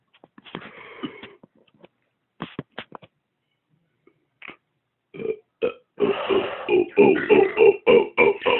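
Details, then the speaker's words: Adult burping after drinking a Mexican soda: belching (eructation). "Burping and shit. 8. Oh, that sounded a little forced there at the end."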